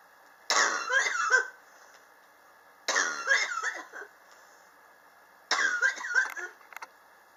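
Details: Chronic cough since summer 2016, still present in 2019, not relieved by medicine or home remedies; patient blames building temperature swings in a high-rise. Three harsh coughing fits, each about a second, spaced a couple of seconds apart.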